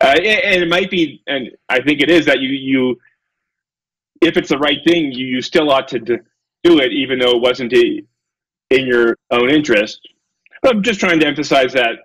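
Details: Adult male lecturer who self-reports a speech impediment: he stutters and gets stuck on his words; stuttering.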